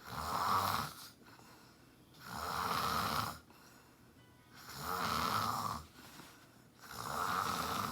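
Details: A woman snoring in sleep: steady, loud rumbling snores on each breath in, about 25 breaths a minute, with quiet breaths out between.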